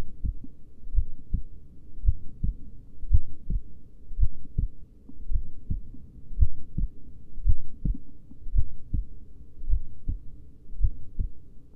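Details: Steady, low, paired heart thumps at about 56 beats a minute over a faint low hum; slow heartbeat.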